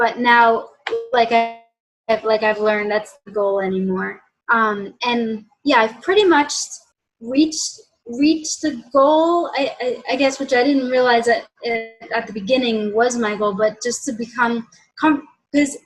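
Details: Adult woman, mild covert stutterer since childhood, worse after college, hides blocks by switching words; has had speech therapy and cognitive behavior therapy; stuttering (mild, covert).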